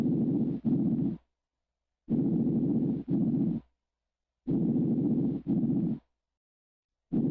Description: Fonendoscopia normal anterior